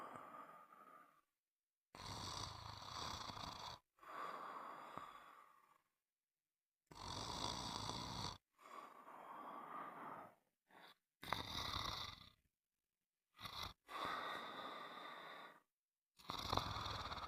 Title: Sound of snoring